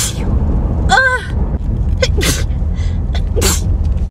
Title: Big hayfever sneezes!